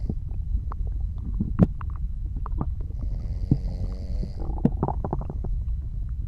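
Low continuous rumbling with scattered gurgles and clicks and one longer bubbling gurgle: ordinary digestive bowel sounds.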